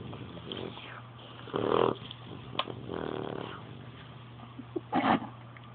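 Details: New puppy sleeping curled on owner's chest: soft snuffling snores with a couple of louder snorts over faint room noise: snoring.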